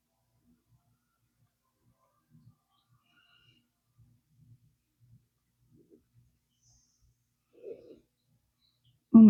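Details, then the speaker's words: Adult's stomach growling in the morning, usually skips breakfast: faint, irregular low rumbles and a brief gurgle in a quiet room; ordinary borborygmi. "my stomach is growling. I wonder if you guys can hear that."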